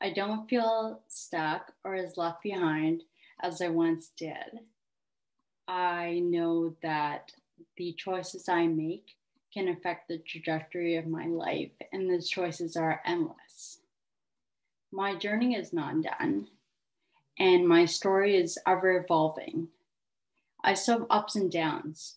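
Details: 30-year-old woman with autosomal recessive cerebellar ataxia type 1 (ARCA1), diagnosed at 25, with imbalance; ataxic dysarthria.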